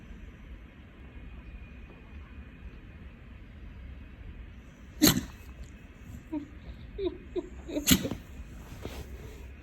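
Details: An American Bully puppy just waking from a nap sneezes twice, sharply, a few seconds apart, with snuffling between; ordinary sneezing.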